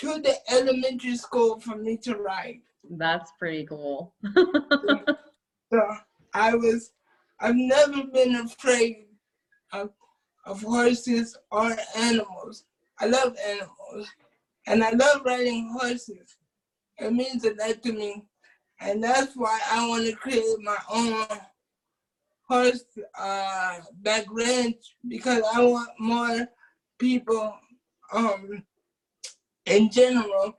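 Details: Adult man with cerebral palsy since birth, wheelchair user, whose family was told at birth he would not be able to speak; dysarthric speech (cerebral palsy).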